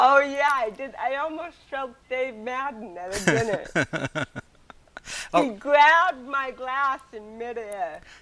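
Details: Adult woman with cerebral palsy from birth, also hearing impaired and wearing hearing aids, speaking in a real 2013 interview; dysarthric speech in cerebral palsy.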